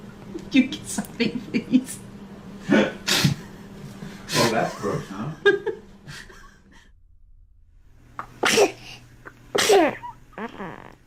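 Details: Baby girl sneezing amid adult chatter and baby babble, followed by snot: several small, sharp infant sneezes; an ordinary baby sneeze.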